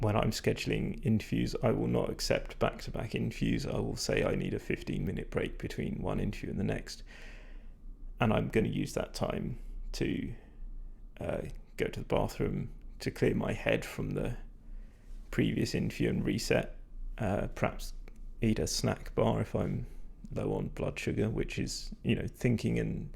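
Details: Adult man whose voice he says is degraded and stressed after prolonged talking without drinking enough; vocal fatigue.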